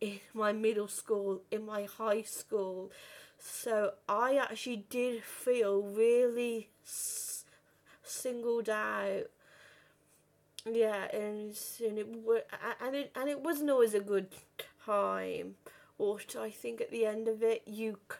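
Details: Real stuttering in a 32-year-old woman who has stammered since about age five or six; had speech therapy and learned breathing techniques at 15; reports still being at her worst on the phone.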